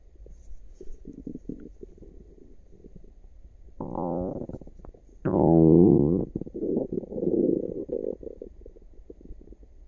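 Low gurgling and rumbling tones with bubbling pops over a few seconds; active bowel sounds.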